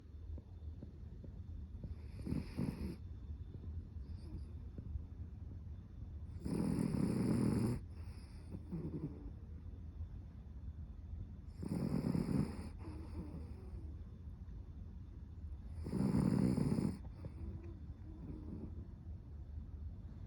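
Four loud, rough snoring sounds on inhalation, about 4 seconds apart, each followed by a softer exhale, from a sleeping small dog.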